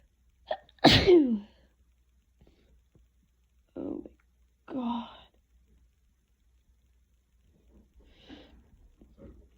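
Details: Sneezing fit on waking in someone with a cold: a loud explosive sneeze preceded by sharp inhalation, then smaller sneeze-like bursts with barely time to breathe, then quiet breathing.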